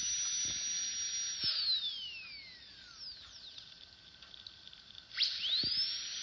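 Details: Dentist drill sound effect: a high-pitched whine that rises and falls in pitch as the drill speeds up and slows down.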